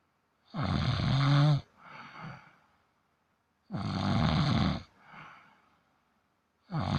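Rattling snore on each breath in, followed by a softer breath out, about 19 breaths a minute, in a quiet room.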